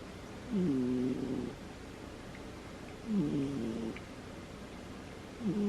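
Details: Female cat sleeping and snoring gently: soft, buzzy, nasal snores every few seconds over a steady hiss.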